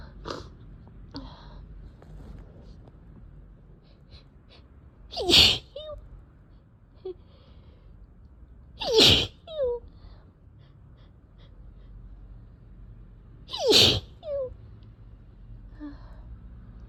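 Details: Three forceful sneezes a few seconds apart, each preceded by a sharp intake of breath; allergic sneezing from cat exposure, with sore throat and eyes barely able to open.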